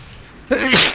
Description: sneeze tf2